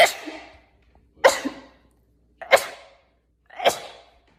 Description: Short compilation of rapid sneezes